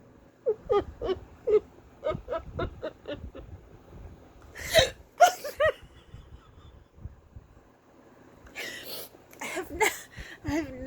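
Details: Person rarely gets hiccups, now an unusual bout: a run of short, sharp gulping catches in quick succession, then laughter and breathy sounds; hiccups.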